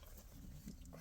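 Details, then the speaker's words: Stomach growling (borborygmi) audible while the speaker talks, acknowledged by the speaker as their own stomach. "I'm a stomach growling so sorry if you hear that"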